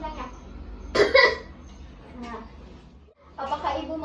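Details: Simulated nursing role-play demonstrating deep breathing and effective coughing to clear the airway and improve lung ventilation: forceful cough bursts between brief speech.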